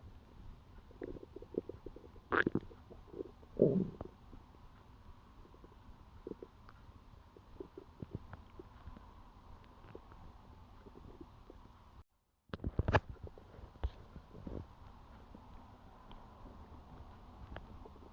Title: first time of me recording my own stomach sounds